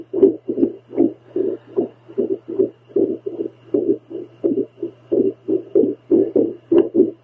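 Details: Adult woman's own heart on a home heartbeat Doppler while following a breathing circle to calm it: fast whooshing beats, roughly 150 a minute, with uneven spacing; heart slows a little but is mostly very irregular.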